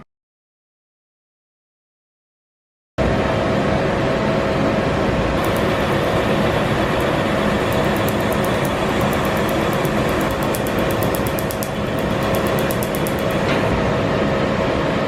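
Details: Laser tattoo removal, first session: loud, steady machine noise with rapid, regular ticking pulses as the laser device fires.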